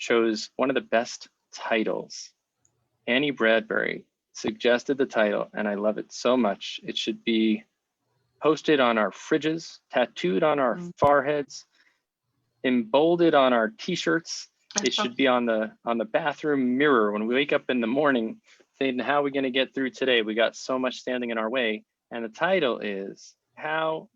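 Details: Adult male speaker; normal speech.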